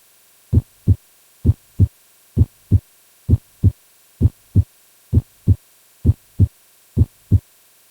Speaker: The S1 heart sound is usually described as sounding like the word [music] love and the S2 heart sound dub.